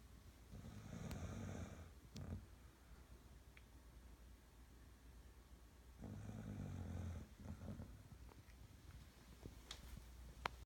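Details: Tired female pet snoring while asleep: slow, low rattling snores on each breath, about eleven a minute, in a quiet room.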